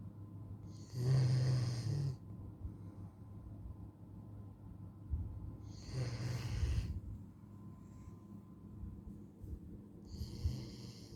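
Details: Black Labrador Retriever at rest: three loud, rough snoring breaths about every 4.5 seconds, roughly 13 a minute, with quiet room noise between; ordinary snoring.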